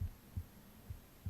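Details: Normal heart sounds recorded on the left chest while reading aloud: steady, soft paired thumps at about 67 beats a minute.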